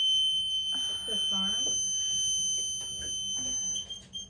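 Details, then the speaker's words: Steady high-pitched electronic bed alarm beeping in a hospital emergency room with brief voices; patient with severe lower back pain, bed won't go down automatically. "it doesn't want to do anything the bat starts beeping it's the bed alarm it's the bed it starts beeping it's the bed alarm"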